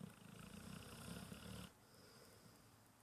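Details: Pit bull dog snoring on a lazy Sunday morning: one low, fluttering snore lasting about a second and a half, then quiet breathing.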